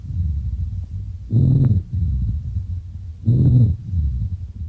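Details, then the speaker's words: Rhonchi from large-calibre bronchi: low-pitched snoring-like rumbles in two breath-phase bursts over a steady low background, indicating a lesser degree of obstruction, as in chronic bronchitis, and may change with cough. "en bronquios de Gran calibre tenemos el roncus es un sonido más bien grave por lo tanto indica un grado menor de obstrucción"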